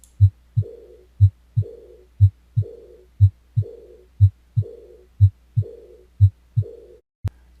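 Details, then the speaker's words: Aortic regurgitation (aortic insufficiency): regular heartbeat about 60/min with a soft, blowing, decrescendo diastolic murmur fading away after each second heart sound. "talk about aortic regurgitation also sometimes called aortic insufficiency or aortic incompetence this causes a diastolic murmur and the murmur is classically described as decrescendo and blowing"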